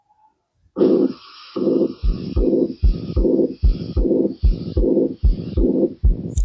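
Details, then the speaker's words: Pansystolic (holosystolic) murmur: regular heartbeat about 75/min with a steady blowing murmur filling systole from S1 to S2, blurring S1 and S2 so they cannot be differentiated. "So it seems like you're not getting the s1 s2. You you are not able to differentiate S1 and S2 only. It seems like it is enclosing upon the S1 and S2."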